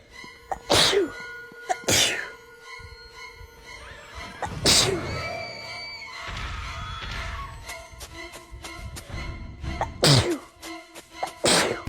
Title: sneezing fit edit loop 3 ½ minutes.